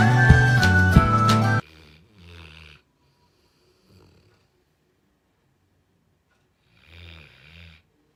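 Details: Loud snoring from a black Labrador napping after play.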